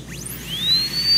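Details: High-speed dental handpiece with a thin rising whine as it spins up and cuts, reducing a cusp plane during an MOD ceramic onlay preparation on tooth #18 on a typodont.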